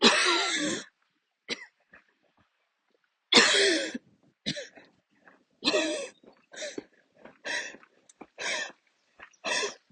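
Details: Adult coughing fit while walking outdoors near the end of a walk, with lungs acting up: repeated harsh coughs in a run, some long and forceful, with short catching breaths between them; kept walking instead of stopping.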